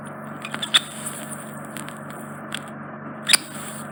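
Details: Steady faint suction hiss with scattered crackles and sharp clicks during microsuction of a large, deep impacted wax plug in a man's right ear canal causing reduced hearing; the plug is wriggled out through a narrow entrance.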